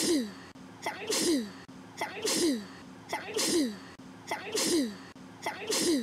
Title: Sneeze